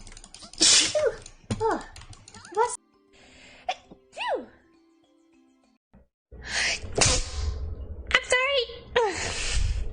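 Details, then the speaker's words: Several sharp sneezes from different vtuber voices, some with a short squeaky vocal catch, over light background music; one mentions having allergies. "excuse me excuse me oh god my nose i have allergies"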